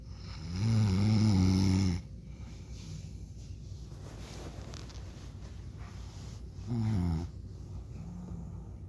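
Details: Adult father snoring during sleep, recorded for about 1.5 minutes; snoring.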